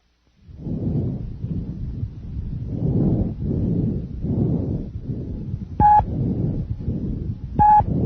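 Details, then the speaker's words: Normal bronchovesicular breath sounds: soft, even, with inspiration and expiration about equal in length, normally audible anteriorly near the main stem bronchi in the first and second intercostal spaces and posteriorly between the scapulae. "they are normally audible in two places number one anteriorly near the main stem bronchi in the first and second intercostal spaces and number two posteriorly between the scapulae"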